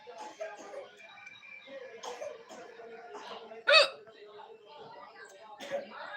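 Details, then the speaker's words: Hiccups just after a meal, attributed to eating spicy chillies: speech with light music behind it, broken by a sharp, loud voiced gulp and a second smaller catch. "हिचकी हिचकी आ गया। थोड़ा झाल खा लिए, मिर्ची खा लेते हैं ना तो थोड़ा हिचकी आ जाता है, कभी तेज मिर्ची।"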